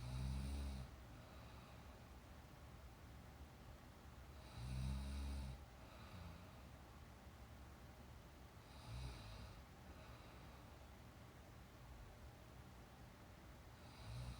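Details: Soft, low snores about every four to five seconds over steady room noise from a girl napping, real recorded snore sound; gentle snoring in sleep.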